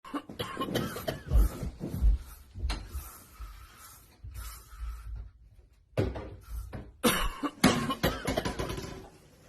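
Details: Several short, forceful coughs in irregular clusters with a brief pause, acted for comedic effect.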